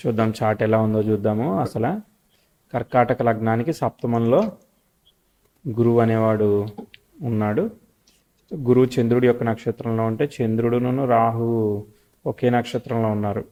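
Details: Adult male speaker; no speech disorder.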